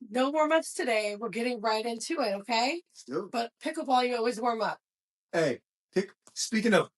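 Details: Adult women talking; normal speech.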